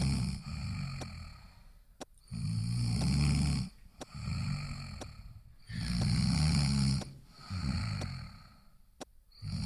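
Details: Loud rattling snores on each breath in, about one every two seconds, with quiet pauses between; ordinary snoring.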